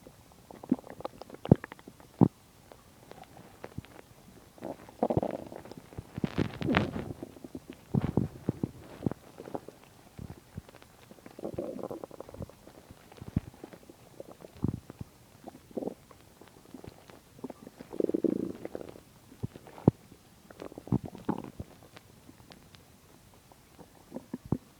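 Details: Stomach growling while digesting a lot of food, usually quiet: repeated gurgling, rumbling bowel sounds with low bubbling bursts, borborygmi.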